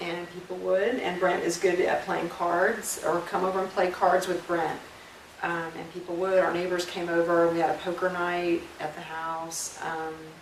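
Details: Adult woman speaking; normal fluent speech.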